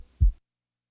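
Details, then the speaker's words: Heart sound teaching recording: single low heart sound with the first sound widely split into two close components; abnormally wide split first heart sound. "listen now to a widely split first sound"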